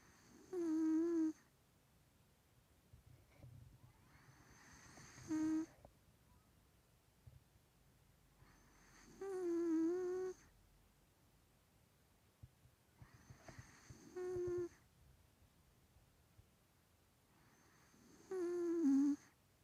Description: My maine coon cat, male, 3 years old, has bad nose.